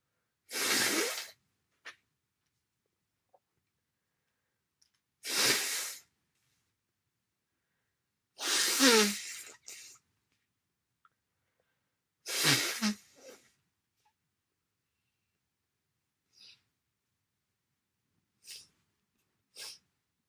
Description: I still have the cold. Lots of congestion and a big blow.